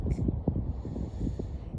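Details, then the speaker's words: A wild elephant seal snoring while asleep, likened to a freight train: deep, rumbling, fluttering snorts in a rough rhythm. "it's like a freight train trying to find its way back to bed"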